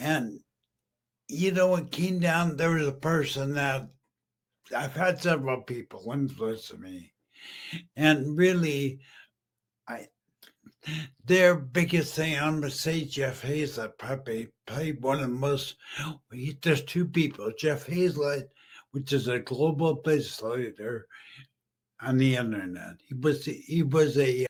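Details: Adult male stroke survivor about 15 years after stroke and brain injury, half paralysed and using a wheelchair, previously mute, with an ongoing speech deficit; aphasia after stroke.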